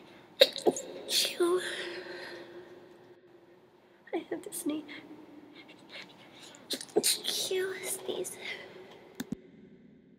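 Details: Several short, sharp sneezes in two or three clusters, with whispering and faint sounds between; repeated sneezing.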